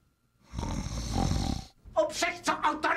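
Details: Film-scene character Fegelein snoring: one long, rough, rattling snore on an in-breath, then a few snorting sounds.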